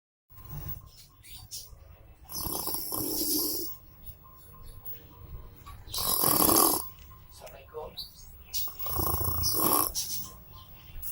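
Loud, rough rattling breaths recurring about every three to four seconds, with some background noise; snoring.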